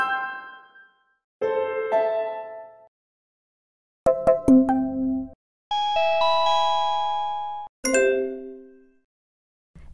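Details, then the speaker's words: A series of bright electronic chime tones, each ringing and fading: the selectable timer alerts of an A-dec Inspire dental cabinet control center, which chimes when a countdown timer ends. "If a timer has time on it, it will count down, then chime at the end."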